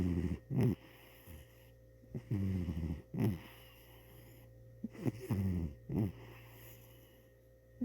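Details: Sleeping cat snoring: repeated low, rough snoring breaths, about 22 per minute, over a steady room hum.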